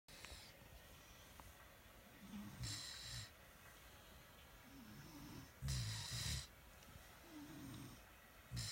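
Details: Snoring recorded on November 17.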